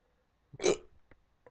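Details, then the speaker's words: Hiccups in a person recorded in the morning, while feeling better after a doctor's appointment following a rough couple of weeks. "wait i'm a couple days late posting this and as you can see i've got the hiccups"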